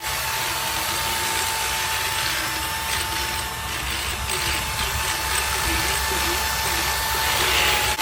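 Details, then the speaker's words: Equine dental float: loud continuous power-tool whine with grinding and rasping as a vet files down the teeth of a horse tranquilized with xylazine. "The vet gave some horse drink because he needed his teeth done. It's called floating. They float teeth. That means they saw down the teeth."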